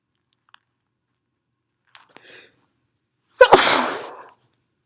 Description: sprayed some perfume and sneezed away, nose blow in the middle.